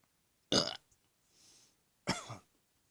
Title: My First YouTube Burps for 4 Weeks! Enjoy!